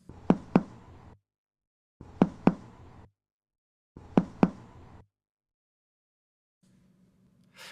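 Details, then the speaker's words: Demonstration of percussion producing a tympanic note, as over the gastric air bubble or a puffed cheek: three sets of paired finger taps, each followed by a loud, high-pitched, long, hollow drum-like ringing note in a quiet room. "A tympanic sound is a loud, high-pitched, long sound that can be heard by percussing the gastric air bubble or a puffed cheek."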